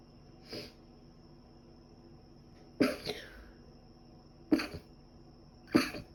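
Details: Sneezing recorded over two days: four sharp, explosive sneezes a few seconds apart in a quiet room; the person thinks dust allergy is likely and also has a cold with cough and runny nose.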